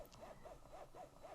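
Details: Mother double pumping from both breasts with a breast pump for a baby on the neonatal unit, vacuum set to a comfortable level with milk starting to flow: quiet, steady rhythmic whirring suction pulses about every quarter second, with faint room noise.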